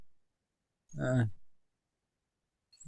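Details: Man with bulbar ALS in a brain-computer interface trial saying a given phrase, played again; dysarthria (bulbar ALS).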